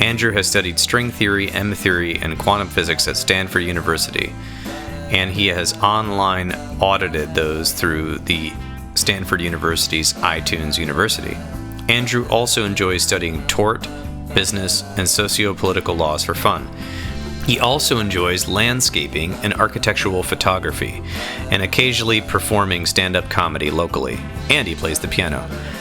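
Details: Adult male speaker; normal speech.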